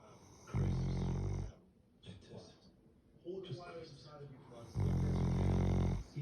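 Two loud, low, buzzing snore sounds about four seconds apart with quieter breathing between them; snoring.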